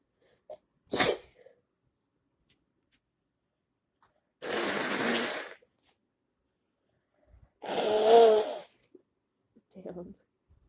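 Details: Sneezing set off by body spray: a sharp burst, then two long hissing, breathy explosive sneezes several seconds apart.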